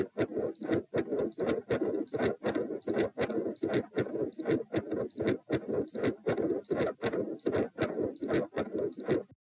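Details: Heart sounds during Valsalva, lying, in a patient with known right-to-left shunt via PFO/ASD; regular, about 79 a minute with a rushing near-continuous murmur between beats and ECG monitor beeps; possible PDA-like machinery murmur questioned.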